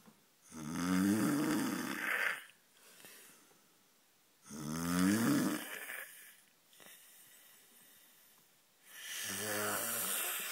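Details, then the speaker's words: A man snoring: loud, rattling snores on each breath in, about 15 a minute, with quieter breaths out between them. "Ready. I just can't keep snoring."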